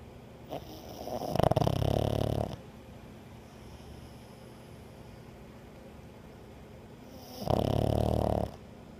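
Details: Snoring in a sleeping dog: two loud, rattling snores about six seconds apart, with quiet breathing between them.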